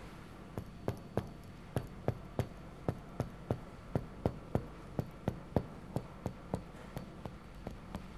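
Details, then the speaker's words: Chest percussion over the back counting down the intercostal spaces: steady finger taps remain resonant to a point, then become dull below, marking a healthy, normal lower lung border. "pekanya kita hitung 1 dua t setelah ikat tiga sudah mulai peka ke bawah tetap peka jadi batas yang sehat hanya sampai Sela iga"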